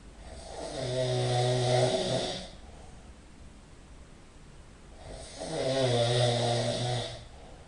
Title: King of Snoring - Part 1